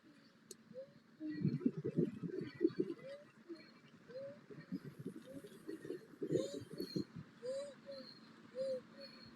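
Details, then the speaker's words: Female athlete in visible breathing distress during exercise, head rocking back and forth; rapid, effortful breaths with high squeaky whistle on each inspiration; inspiratory stridor during exercise. "you can see she's in quite a lot of distress with her breathing you can hear and it inspiration weeds going on"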